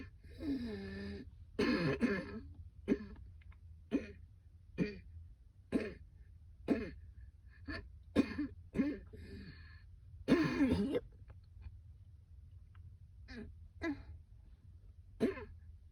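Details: A woman coughing on a rooftop in a coughing fit so persistent she couldn't go back to work: about a dozen short, harsh coughs over fifteen seconds, some run together.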